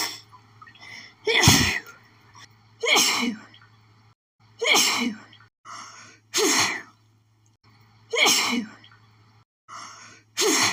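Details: An adult has a sneezing fit thought to follow sniffing lilies, with pollen allergy: six forceful sneezes in quick succession, each preceded by a short catching breath.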